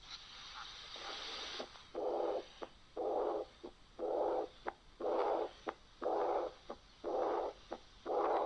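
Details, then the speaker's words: Early diastolic murmur of severe aortic regurgitation in a teaching recording: regular beats near 59/min, each with a loud blowing murmur right after S2, louder than a mild aortic regurgitation example. "طيب هضرب مثال تاني، الاورتيك ريجيرج اعنف فالصوت هيبقى اقوى شويه."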